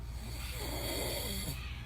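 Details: Adult man filmed from the side while asleep: a loud, rattling, throaty snore on a slow breath in, with steady room noise behind it.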